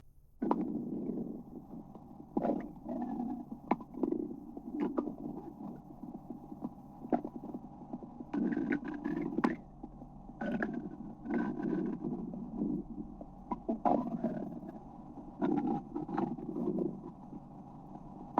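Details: Someone listening to a stomach rumbling: gurgling, rumbling noises with short clicks and squelches, ordinary active bowel sounds (borborygmi) from gas and fluid moving.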